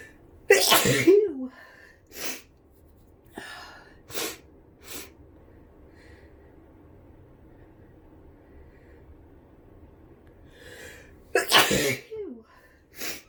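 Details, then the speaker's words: A person with flu and an itchy nose sneezing: two loud sneezes, each followed by short sniffs and quiet breaths, in a quiet room. "Oh, my nose is so itchy."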